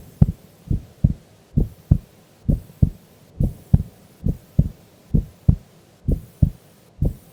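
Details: Female sleeping during an afternoon nap: steady two-part lub-dub heartbeat, about 66 beats a minute, clean with no added sounds; normal resting rhythm.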